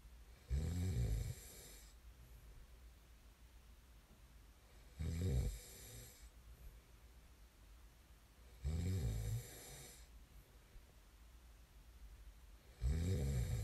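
Low rumbling snores on the in-breath, about 14 breaths a minute, with quiet pauses between; ordinary sleep snoring.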